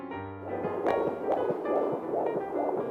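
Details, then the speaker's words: Fetal heartbeat on ultrasound in early pregnancy, with two gestational sacs but only one baby seen; rapid rhythmic whooshing pulses about 140 a minute, with music over it. "so no twins nope let your body tried do you want to hear your baby's heartbeat"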